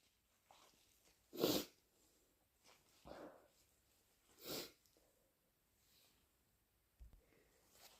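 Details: Person with flu, fever, bad cough and a raw throat: two sharp, wet, harsh explosive sneezes, the first natural and the second induced, with snuffling and nose blowing between; sneezing.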